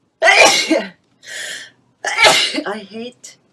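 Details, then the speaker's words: Adult with nose issues who says they are not sick and sneeze in runs: two loud explosive sneezes, each preceded by a sharp in-breath, in a quiet room; sneezing. "I sneeze sorry for my sneezing thing I do have some issues with my nose so when I do start sneezing I sneeze"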